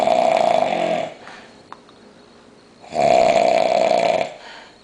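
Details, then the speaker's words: Heavy snoring in a man deeply asleep after heavy drinking on New Year's, not waking despite loud talking: two long, loud, harsh rattling inspiratory snores about two seconds apart. "yo this [ __ ] seriously what the [ __ ] yo [ __ ] you sound like a [ __ ] Toyota"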